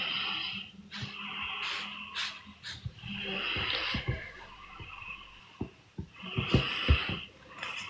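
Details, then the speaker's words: Noisy, rattling snoring with snorting sounds from a sleeping child; snoring. "Yang ngorok itu siapa? Anak aku tuh. Kedengeran banget emang ya."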